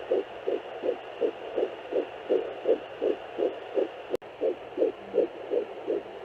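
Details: Home fetal Doppler: rapid, regular whooshing pulses at about 165 beats a minute over a low hum, with one brief click: the fetal heartbeat.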